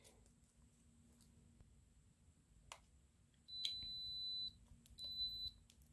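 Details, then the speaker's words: Glucose meter switched on to test nasal drip for glucose in a person who suspects a cerebrospinal fluid leak: two short, high electronic beeps in a quiet room, signalling it is on and ready. "it beeps to say that it's on it's ready to go"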